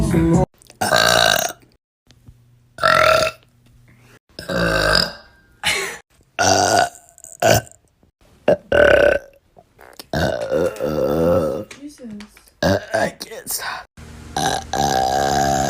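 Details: A run of loud, drawn-out burps with short pauses, some long and tonal; repeated belching.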